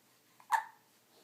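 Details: Single abrupt, voiced hic catch after a small intake sound in a quiet room, while recovering from shots received Thursday; one hiccup.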